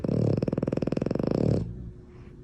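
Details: A French bulldog (blue and white pied or blue fawn) snoring: a rapid rattling, fluttering snore on one breath lasting about a second and a half, then quiet.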